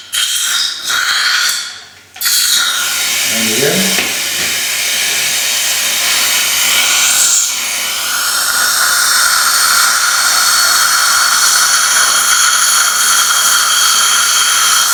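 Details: Dental surgical drilling during immediate implant placement in the aesthetic zone, replacing a fractured tooth over a small bone defect: loud, sustained high whine and hiss, with suction noise and brief talk.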